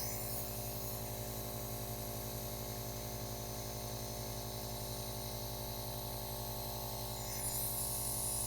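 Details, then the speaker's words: Nebulizer running with a HydrOxygen supplement during alternating oral and nasal breaths: a steady compressor hum and hiss that continues with no pauses between breaths. Nebulizer running. "now what you noticed is in between breaths this thing just kept running if you want to you can turn it on and turn it off between breaths"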